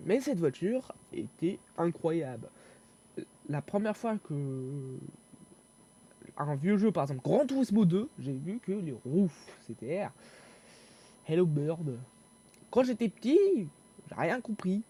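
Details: Stuttering in a young male speaker who reports difficulty speaking and fear-related stress when talking.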